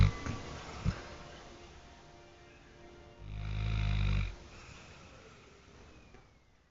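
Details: Dog asleep: one deep, rumbling snore lasting about a second, with faint music in the background; snoring.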